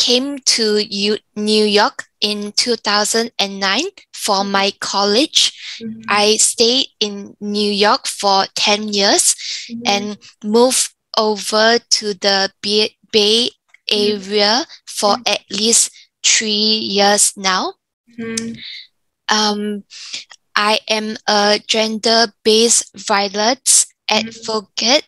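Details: Woman aged 34 with aphasia and apraxia of speech after a stroke at age 31 caused by an arteriovenous malformation; initially unable to speak, weaker right side, receiving speech therapy; aphasia with apraxia of speech.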